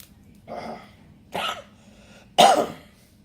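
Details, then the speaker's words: A woman sneezes after inhaling red pepper while eating: three explosive sneezes in quick succession, the last loudest, then apologies; sneezing attack. "Oh, excuse me. Excuse me, y'all. Sorry about that. Ooh, all that pepper got me."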